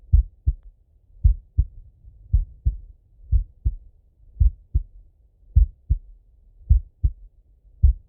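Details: Male heartbeat heard by stethoscope auscultation: steady, paired, low lub-dub sounds at about 55 beats a minute; normal slow heart sounds.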